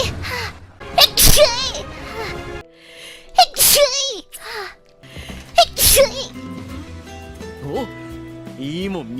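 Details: Three sharp, explosive sneezes a few seconds apart, each with quick intake and voiced burst, during a livestream over background music; sneeze.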